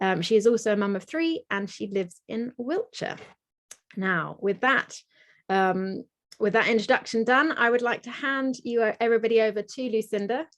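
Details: Adult woman speaking; normal speech.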